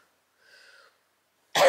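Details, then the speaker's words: A faint, brief voiced sound, then a sudden loud burst at the very end: a small cough from an infant girl after a night of two hours of crying. "Vous l'entendez un petit peu tousser là. Mais c'est pas pour ça que c'était l'enfer."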